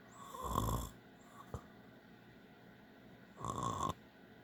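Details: Adult father asleep: two rough, rattling inspiratory snores about three seconds apart, with a soft snort between; typical snoring during sleep.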